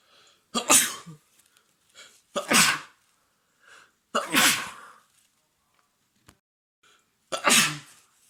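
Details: Four loud, explosive sneezes in a row from a man with a cold, congestion, cough and a sensitive nose after cold, windy mountain weather, each with a brief in-breath before it; a long, wet sneezing fit.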